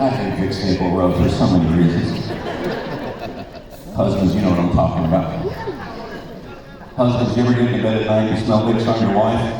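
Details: Man, a former Christian rock record producer, with incurable spasmodic dysphonia that began at the height of his career and progressively worsened until his voice was gone; vocal coaches and doctors did not help; disorder audible in his current voice: spasmodic dysphonia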